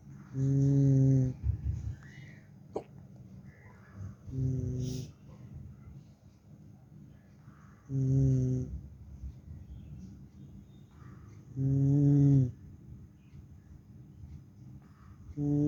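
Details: Tired after qurbani and asleep: slow, regular, low rumbling snores, about four in 15 seconds, with quiet pauses between them.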